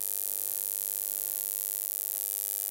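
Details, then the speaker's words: Simulated tinnitus as the person with mild/moderate hearing loss hears it: a steady, unbroken high-pitched buzzing hiss, constant phantom ringing played to illustrate tinnitus, before hearing aids relieved it. "And just for reference, if no one's ever experienced tinnitus, or suffers with tinnitus, I'm gonna stop now and play a little sound, and this is what tinnitus sounds like to me."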